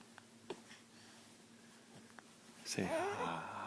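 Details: Boy hiccuping while eating: a few brief, abrupt catches in a quiet room, then a burst of voiced sound; hiccups.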